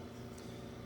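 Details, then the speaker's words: Philips Respironics Trilogy 100 ventilator in invasive mode with a passive circuit, running on a test lung: steady low mechanical hum of normal ventilation, before oxygen is turned on. "so that being said we are now fully functioning we have our passive circuit setup for our invasive patient and we are ventilating"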